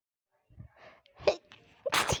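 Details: Sudden sneeze attack, recorded through headphones with a loud TV in the background: quick breathy inhalations build up, then an explosive sneeze burst; sneezing.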